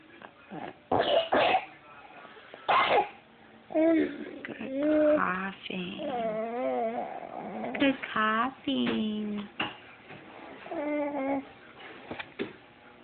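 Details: Infant asked to cough gives about three short coughs, then an adult speaks softly in a sing-song voice.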